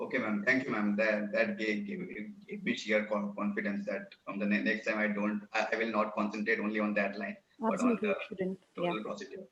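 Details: Real stammering in a male working professional who says his stammering limits expressing his knowledge at work; stuttering.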